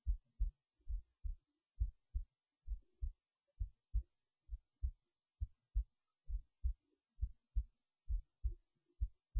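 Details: Heartbeat while resting in bed late at night before sleep: steady paired lub-dub thumps at about 66 beats a minute, quiet background; resting heartbeat.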